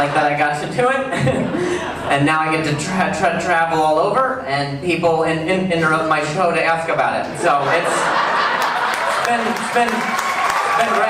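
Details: Adult male comedian with stuttering, performing live stand-up; he says hearing noises in his ear while he talks makes him stutter.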